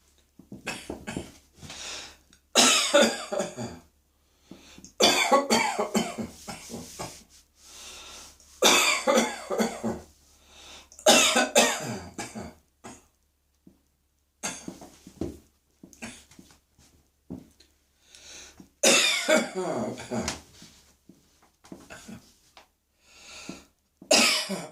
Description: I had just put on my underwear and pantyhose - ready to slip into my pussycats mini-dress - when I had a coughing fit and had to rush to the bathroom.